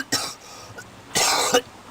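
Two harsh acted coughs, the second longer and forceful, in a comedy skit.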